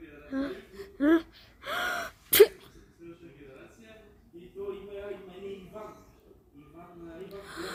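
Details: A person's fake, imitated sneeze to see Maxi's reaction: a sharp in-breath, then an explosive sneeze, followed by quiet talk.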